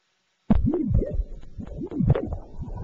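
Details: Adult with presyncope, echocardiogram for a suspected murmur, heart found apparently normal: rhythmic whooshing, swooping Doppler blood-flow pulses at a normal pace; Doppler echocardiogram heart sounds.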